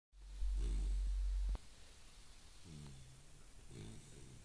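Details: Sleeping corgi dog; low grunting snores, three in a few seconds, over a low steady hum; snoring.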